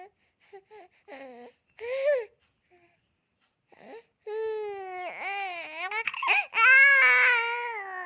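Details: Crawling baby: short fussy whimpers build into a sustained, high-pitched wailing cry; an infant crying.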